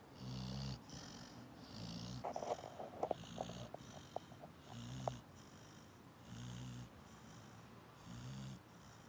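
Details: Sleeping springer spaniel dog snoring in a steady, low rhythm, with a few soft snorts and snuffles between snores.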